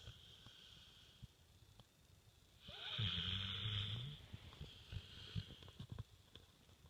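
A single low rattling snore over quiet room noise, typical of noisy breathing in sleep.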